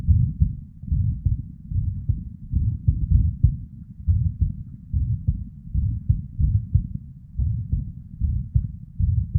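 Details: Irregular female heartbeat, muffled, with uneven spacing and occasional early beats (PVCs/ectopics) plus a soft whooshing murmur (blood flow) sound.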